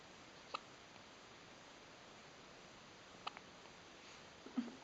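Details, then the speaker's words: Newborn girl on her first day of life: two sharp, brief hiccup clicks a few seconds apart, then a faint soft sound, over quiet room hiss; hiccups. " škytá."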